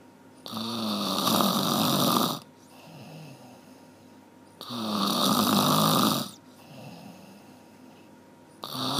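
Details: One-hour snoring recording: loud, rough inhaled snores, about two seconds each, roughly 15 a minute, separated by quieter exhalations.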